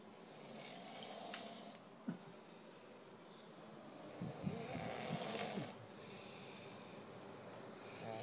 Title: The snore feat part 1